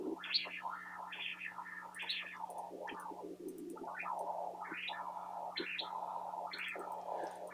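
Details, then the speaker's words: Rhythmic whooshing tones rising and falling with each pulse over a steady hum, pulsed-wave Doppler audio from a Philips CX50 portable ultrasound with linear transducer, audio pitch adjusted during a training demonstration; pulsed wave Doppler signal. "your map pitch change the pitch of the sound we can hear that a little better now"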